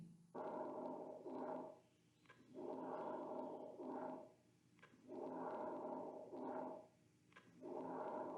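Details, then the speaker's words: Soft, breezy, low-pitched breath sounds, with inspiration about three times longer than the short, quiet expiration, best heard over the lung periphery: normal vesicular breath sounds. "Vasicular breathe sounds are soft, breezy and low pitched. Here we can see in the graph inspiratory phase is three times longer than expiratory phase."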